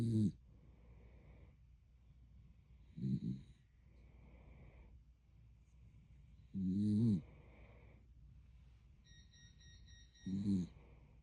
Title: Snoring dog #zzzz